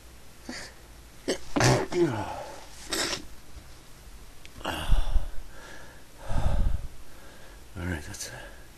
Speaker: Sneezing all day. Can't stop. Oh, I must be allergic to something.